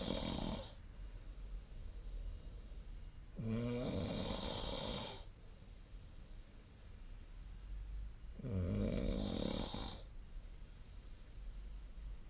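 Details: Loud, rattling snores on each in-breath, about 12 a minute, with quieter breathing out between, recorded during sleep; snoring.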